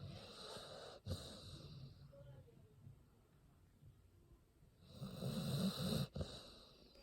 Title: Snoring pit bull